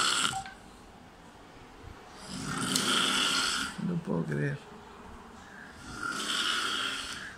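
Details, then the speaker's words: Very loud adult snoring from a friend asleep in a dining room at 5 a.m.: buzzing, high-pitched snores about every three to four seconds, with a brief background voice between. "y eso escucha de fondo no es una cigarra nosotros está tapando es un amigo que está tocando en el comedor así que ahí vamos a grabarlo"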